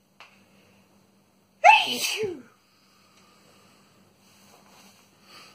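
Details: Adult male (boyfriend) sneezing: one loud, explosive sneeze with a voiced tail, then quiet room noise; a single ordinary sneeze.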